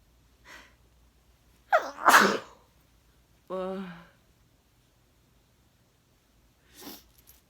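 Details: A person with a sneezy cold, at new year: a quick catching inhale, then one explosive sneeze, followed by a short voiced sound and quiet breathing.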